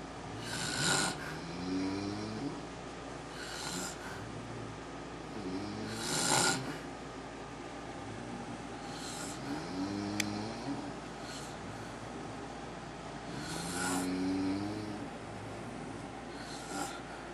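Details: Adult man (father) snoring during sleep: slow rumbling snores with airy inhalations, about 8 per minute, over steady room hum.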